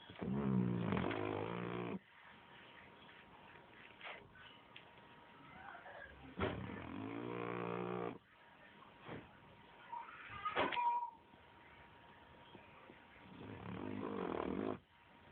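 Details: Snoring: loud, rough, buzzing inbreaths on a low rattle, about three across fifteen seconds, separated by quiet exhales and a faint steady hum.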